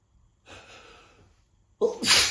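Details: Person with a cold: a soft indrawn breath, then one sharp, explosive sneeze during a sneezing fit.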